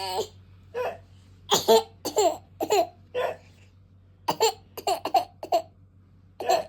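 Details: Toddler with hiccups while laughing: short, abrupt catches in the breath between bursts of giggles, infant hiccups mixed with laughter.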